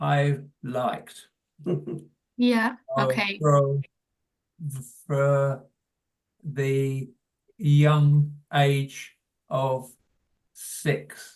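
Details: Adult man with primary progressive aphasia; hesitant speech; finding: primary progressive aphasia.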